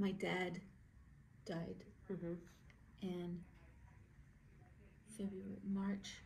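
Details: Aphasia after stroke in an adult woman, with word-finding difficulty, hesitations and paraphasias; verbal expression is hardest for her and comprehension is strong.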